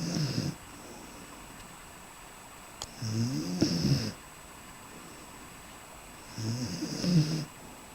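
Soft, regular snores on each in-breath, about two in eight seconds, in a quiet room.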